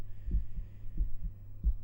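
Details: Regular paired low thumps of a normal adult woman's own heartbeat through a stethoscope connected to a binaural microphone, about 87 beats a minute, shortly after drinking sugary cashew yogurt.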